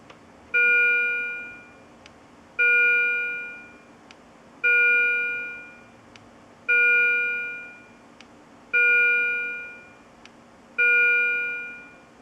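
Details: Repeating chime alarm about every two seconds from a Philips IntelliVue MP70 patient monitor.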